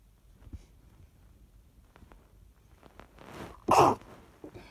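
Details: A quiet room, a few soft breaths, then one muffled, held-back sneeze while in bed just after waking during a morning sneezing fit, itchy nose; cause uncertain, allergies or a suspected cold; stifled sneeze.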